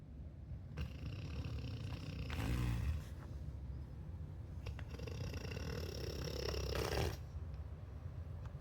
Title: Snore sounds like a truck on manual and gear sucks